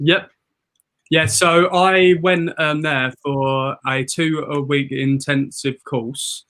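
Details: An adult man who lives with a stammer, has had 22 years of speech therapy and attended a two-week intensive stammering course; stammer (stuttering).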